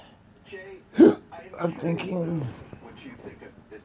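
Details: Person with persistent intractable hiccups since December 2015, with breathing and choking spasms and erratic stomach sphincter control, cause undiagnosed, hiccuping every 1–3 seconds: a sharp, abrupt gulping hiccup breaks into soft speech in a quiet room; hiccups.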